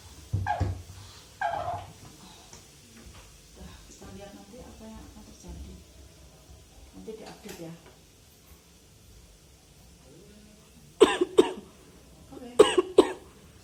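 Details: Several short, sharp cough bursts, some in quick pairs, separated by quiet room noise, from an adult whose cough had persisted over a week without clearing.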